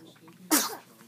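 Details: Twin baby sneezing unexpectedly into big brother's face: a single sudden, breathy burst with a soft trailing voiced tail in a quiet room; infant sneeze.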